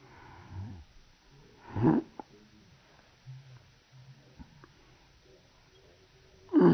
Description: Baby hiccups in slow motion